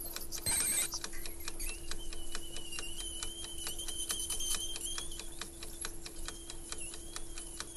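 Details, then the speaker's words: Steady high whine with a low hum and rapid ticking from a VarioSurge piezotome ultrasonic bone cutter set to maximum power, making a demonstration cut through bone, shown as rhinoplasty equipment. "далее пьеза Том Wario Surge один из самых известных пьезо томов внимание Как работает пьезотом на твёрдых тканях он работает только с"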